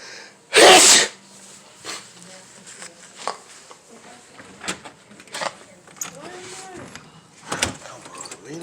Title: Kitchen And Backyard Sneeze